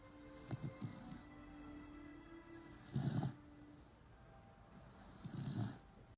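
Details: Soft, low snoring bursts repeat every couple of seconds over a faint steady background hum; sleep snoring.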